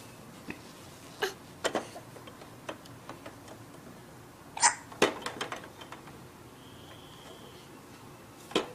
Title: Baby Hiccups 4 Months Old - Playing Evenflo Exersaucer Jump Learn-frog